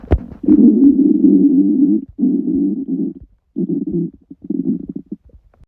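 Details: Stomach rumbling after a 48-hour fast: long, low gurgling rumbles in several bursts with short pauses from an empty, active gut; borborygmi.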